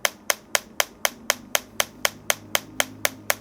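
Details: Sharp, evenly spaced clicking pulses, about four per second, from a German extracorporeal shockwave therapy device on the sole, over the plantar fascia and transverse arch, for plantar fasciitis/flat-foot pain, intensity raised one level.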